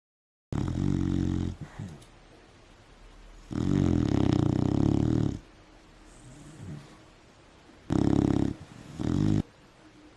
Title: Beagle Snoring